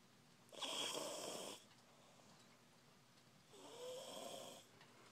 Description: My child is going to town in her sleep right now with this snoring, sounding like a grown man